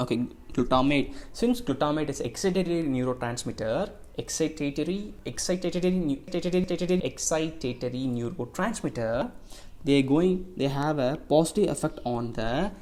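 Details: Receptive (Wernicke's) aphasia from damage to the secondary auditory cortex: the person hears but cannot understand language meaning; jargon-like, hard-to-understand speech.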